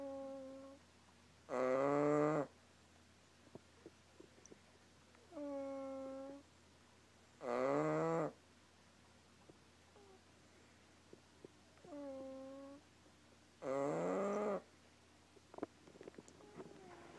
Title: Snoring dog sounds like a fart